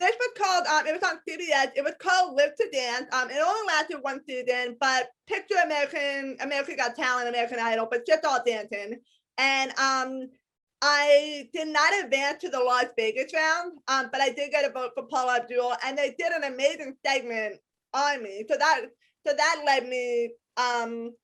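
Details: Adult woman with congenital hearing impairment, detected at age 3–4, wearing hearing aids in both ears, completely deaf to high-pitched sounds, with extensive speech therapy. Deaf speech (speech of congenital hearing impairment).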